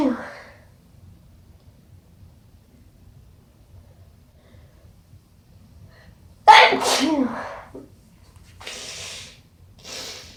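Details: After a quiet stretch, one strong, forceful wet sneeze with a voiced explosive burst, then two noisy sniffs through the nose: sneezing with sniffling.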